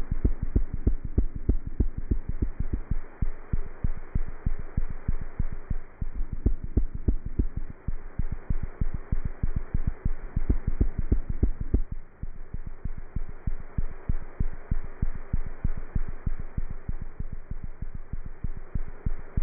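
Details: Normal cat heartbeat through a stethoscope: fast, regular, low thumping at roughly 190 beats a minute.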